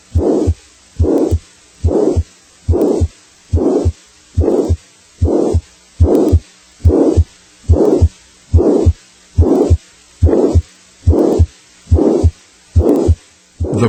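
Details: Loud heart murmur, grade 4-6 of 6 on the six-point intensity scale.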